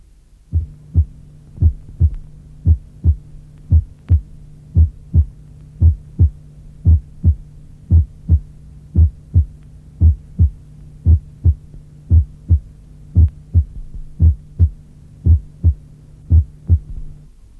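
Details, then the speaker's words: Simulated heart sounds at about 57 a minute: normally split first heart sound near the sternum, a softer first (mitral) component then a louder, slightly higher-pitched second (tricuspid) component, split not exceeding 0.03–0.04 seconds, clearer in expiration. "Près du sternum, le bruit se dédouble en une première composante moins intense, suivie d’une seconde composante plus forte et légèrement plus aiguë."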